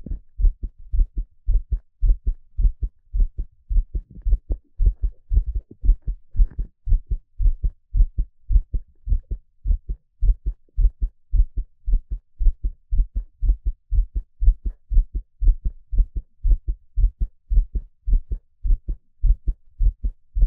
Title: Peaceful heartbeat sound